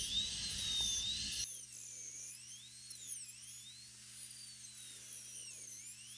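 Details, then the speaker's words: High-pitched whining dental drill, pitch sweeping up and down over a low hum: high-speed handpiece with diamond bur clearing mesial/distal interproximal surfaces during full metal crown preparation of upper molar #15. "During this process of interproximal clearance of the mesial and distal surface, it is critical that the burr and the handpiece are in constant movement. This will prevent that diamond burr and the handpiece from getting caught on the tooth structure."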